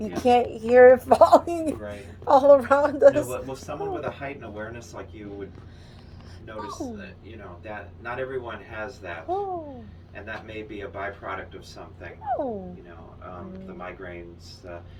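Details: Adult speaking in a small room; ordinary speech.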